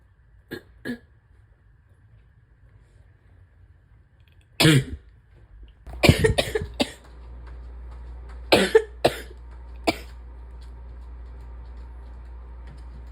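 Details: Wet, chesty cough in a person with asthma, spring allergies and chronic bronchitis, likely during an acute illness: about seven harsh, loose coughs in short groups, with throat clearing.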